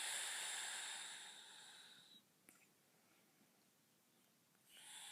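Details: Adult woman snoring while asleep: loud, hissing breath noise, a quiet pause, then the next noisy breath.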